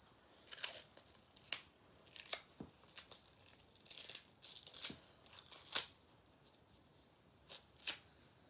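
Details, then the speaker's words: Medical tape tearing in several quick, sharp rips in a quiet room, taping looped extension tubing along the arm after peripheral IV insertion and transparent dressing, in a nursing skills demonstration. "So, now I'm going to loop the extension tubing alongside the arm um and tape it in place."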